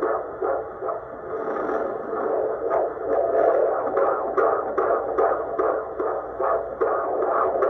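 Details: Fetal heartbeat of a baby boy on Doppler: fast whooshing pulses over hiss, about 145 a minute, strong heart, baby described as active and well.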